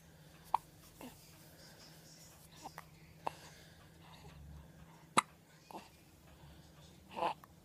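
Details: Baby hiccups: soft, sharp little gulps repeating irregularly, about seven in eight seconds, over quiet room hum.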